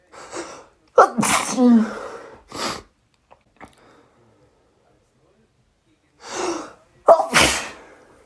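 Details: Person woken with a sneezy cold, day 1, in a roughly 15-minute morning sneezing fit: two forceful sneezes, each after a quick in-breath, separated by quiet breathing; repeated sneezing.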